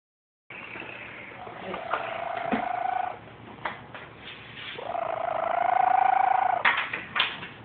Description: The cat of my house snoring